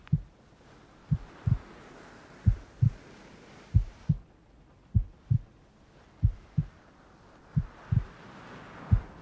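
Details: Heartbeat sound in a furry ASMR roleplay with rain ambience: steady paired lub-dub thumps at roughly 85 beats a minute with faint rain-like hiss behind; an ordinary heartbeat.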